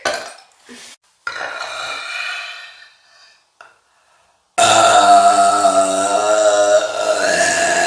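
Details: Burping: brief throaty sounds, then one loud, long, rumbling belch lasting about three seconds.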